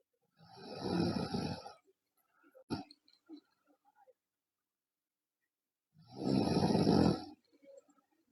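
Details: Loud snoring in a girl during sleep: two long, loud, rumbling inspiratory snores about five seconds apart; heavy snoring.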